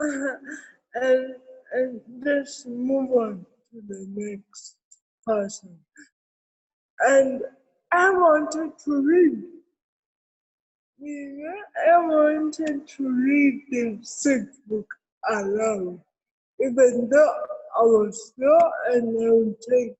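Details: Adult woman with cerebral palsy present since birth, real speech in an interview; dysarthria (cerebral palsy).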